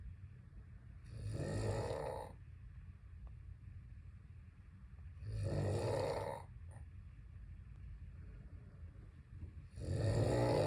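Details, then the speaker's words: Snoring at home, presented as the owner's snoring that keeps her dog from sleeping: three loud, rasping snores at about 14 a minute, each on the in-breath, with quiet pauses between. "누나 너무 시끄러워 누나 너무 시끄러워지 잠을 못 자"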